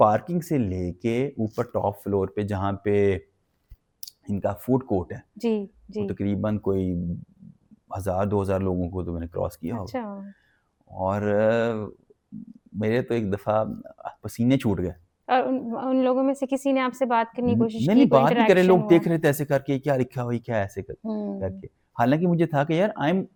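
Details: Adult male who has stammered since childhood; learned in college it was stammering; stuttering.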